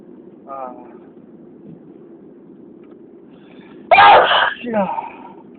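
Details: Sneeze recorded outdoors in wind: a brief vocal sound, then one loud explosive sneeze with a short trailing voiced sound over steady wind noise, an ordinary sneeze.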